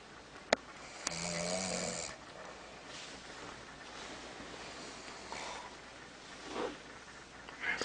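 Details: Snoring: a rough, rattling snore on an in-breath, followed by quieter breathing in a small room.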